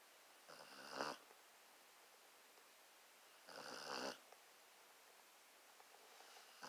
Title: Delilah the basset hound snoring